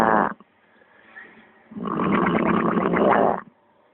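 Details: Two loud, rough, rattling breaths separated by a quiet pause; snoring during sleep in a mother who insists she does not snore.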